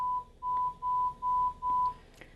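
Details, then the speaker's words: Pure-tone audiometry in a young female patient in a hearing booth: short, steady beeps presented starting below her expected threshold, using a down-10, up-5 dB method. "She's young, so I'm going to start nice and low, where I think below where her threshold is. So I present the tone."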